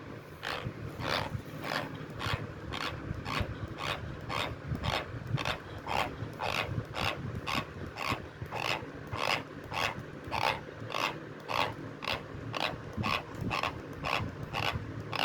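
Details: Teeth grinding (bruxism) in a male patient during illness: regular rasping, gritty scrapes about twice a second.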